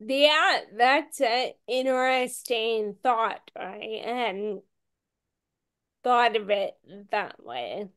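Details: Ataxic dysarthria in a woman with Friedreich's ataxia, a rare, genetic, progressive disease diagnosed at age 16; she reports longstanding voice issues.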